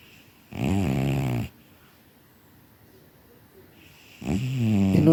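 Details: Tired male cat asleep and snoring: two loud, buzzing, rhythmic snores about three seconds apart; snoring.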